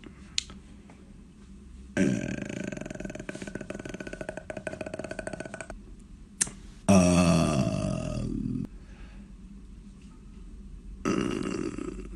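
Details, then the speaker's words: Adult male burping in an interview compilation; says burping isn't rude in his Polynesian-side family. Three long, loud, rumbling voluntary belches separated by quiet room noise. "so if you burped the loudest that meant you were the most grateful for the meal burping is not seen as rude in my family it's okay you burp and you talk with it you say third you as your burping"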